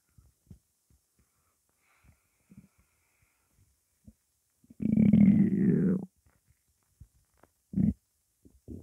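A long low gurgling growl with a few shorter rumbles and soft clicks around it: hunger stomach rumbling from an empty belly.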